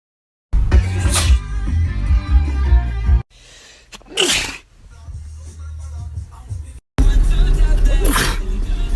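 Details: Three loud sneeze bursts from a man, cut together over music and noise as a comedic edit rather than a natural recording; sneezing.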